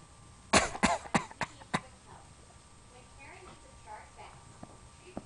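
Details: Young child deliberately fake-coughing: five quick coughs fading in strength, followed by faint babbling; voluntary cough.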